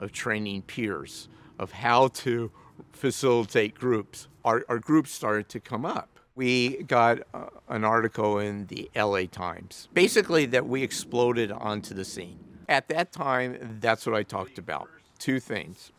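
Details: Adult man living with a stutter; stuttering.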